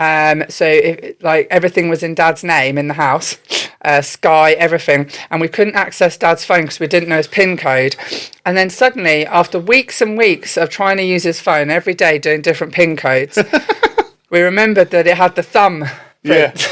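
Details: Adult speaker; normal fluent speech.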